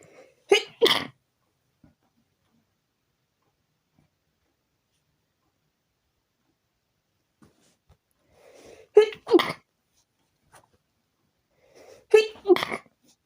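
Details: Three stifled sneezes in quiet, each a short catching inhale then a muffled two-part burst, after nose became itchy again following a few days without sneezing.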